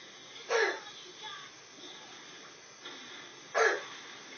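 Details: Dog with an ongoing cough: two short, sharp coughs about three seconds apart, with a faint smaller sound between them in a quiet room.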